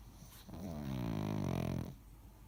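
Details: Dog snoring very loudly: one loud, low, rattling snore lasting over a second.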